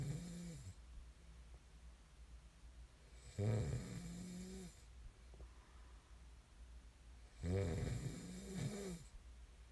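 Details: Snoring: loud rattling snores on the in-breath, about 15 breaths a minute, with quiet gaps between and a steady hum in the room.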